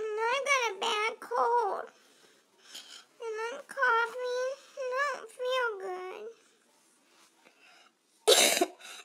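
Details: Cough.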